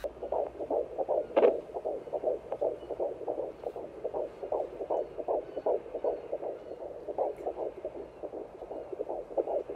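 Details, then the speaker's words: Rapid, rhythmic whooshing pulses with some rustle: a fetal heartbeat heard at a midwife appointment. The midwife counted 134 beats per minute. "so the lady counted for us and it was one three four mm-hmm one three four"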